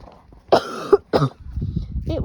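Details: Two harsh coughs from an adult man with a lingering cough, outdoors on a night walk, followed by quiet background noise; an ongoing cough.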